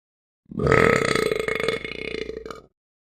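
One long, loud, rumbling belch lasting about two seconds; a burp from a sound-effect recording.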